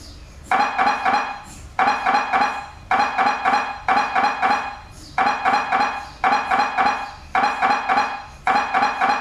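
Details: MRI scanner noise: loud, rapid mechanical knocking in bursts about a second long, separated by short pauses, as the scanner runs an imaging sequence.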